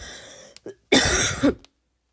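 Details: Adult imitating a barking cough: a short harsh throat sound and one loud hoarse cough burst.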